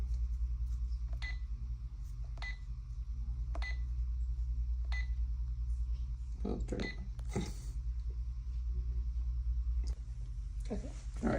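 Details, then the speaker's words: Short, regularly spaced electronic beeps from an IV infusion pump keypad during setup programming for a primary and secondary IV demonstration, over a steady low room hum with handling noise; normal infusion pump keypad beeps. "And then we just have to program our pump. So, we're just going to do general. Okay. Oh, just kidding. We do setup."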